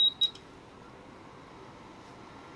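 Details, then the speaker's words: Babylog 8000 plus neonatal ventilator, switched on at the back: two short high beeps, then quiet room hum. These are power-on self-test tones; the self-test takes under 30 seconds. "will take less than 30 second for self test"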